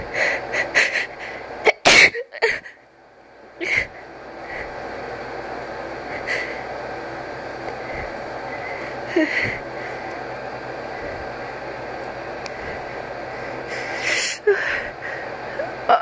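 Several sharp, explosive sneezes, some preceded by audible drawn-in buildup breaths, in a quiet room.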